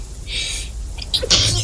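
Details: Streamer's breathy, sharp sneeze with a short vocal burst while playing a game, blamed on allergies; game audio in background; sneeze.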